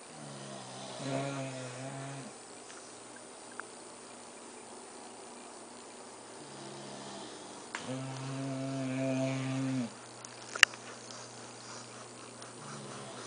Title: Time to snore